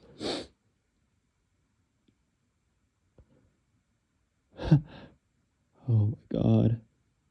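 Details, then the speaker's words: Male with tickly sneezes: a single sharp sneeze, a quiet sniff, a short two-part sneeze and two more voiced sneezes in a quiet room. "These sneezes are just so tickly right now."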